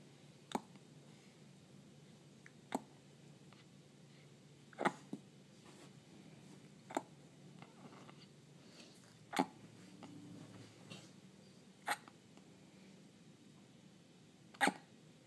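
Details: Hiccups: sharp, brief clicking gasps every two to three seconds, about seven in fifteen seconds, in a quiet room.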